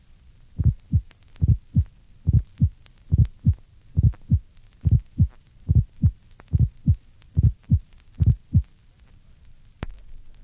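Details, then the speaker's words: Normal healthy subject: regular heartbeat about 70/min with a normally split first heart sound. "listen to the split first heart sound in a normal healthy subject"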